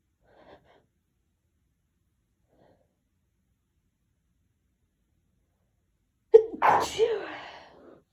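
After several seconds of near silence with faint catching breaths, one loud explosive sneeze is heard.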